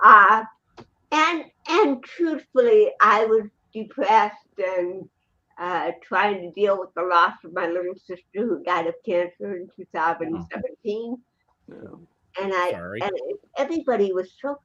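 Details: Real interview speech of an adult woman, an actress and comedian, with cerebral palsy since birth (born 1956); dysarthria (cerebral palsy).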